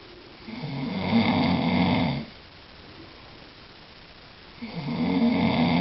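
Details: Person snoring loudly in sleep at night, recorded by a partner whom it kept awake: two loud, rough, vibrating breaths separated by a quiet pause; snoring.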